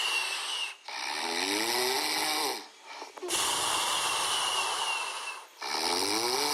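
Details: Sleeping chihuahua puppy snoring loudly, like a human: rough, buzzing snores in long breaths with short pauses, about 25 a minute.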